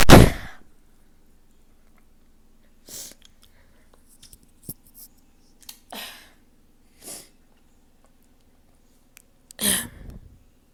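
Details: A person deliberately inducing sneezes, with a sore nose from nose blowing: one loud, explosive sneeze, then quieter sniffs and breaths and a second, weaker sneeze near the end.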